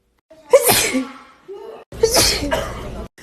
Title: girl sneezes compilation